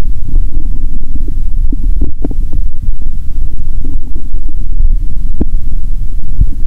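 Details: Hungry stomach around noon before eating, heard through a stethoscope on the abdomen: low rumbling and gurgling over a steady low hum, with a few short squelches; ordinary bowel sounds.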